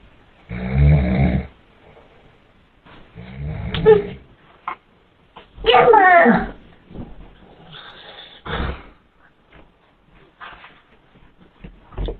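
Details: Loud, rough, rattling snores in a room, repeating about every two to three seconds; snoring.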